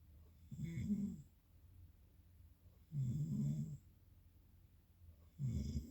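Three rough, fluttering snores about every two and a half seconds, with soft breathing in between; snoring during sleep.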